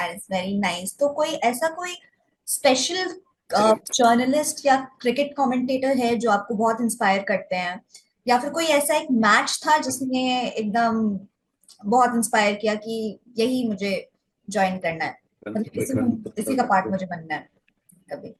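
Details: Adult woman; typical speech.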